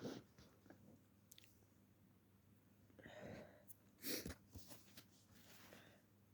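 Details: Several sharp, explosive sneeze bursts with breathy intakes, then noisy nose-blowing into a tissue, in a quiet room: sneezing.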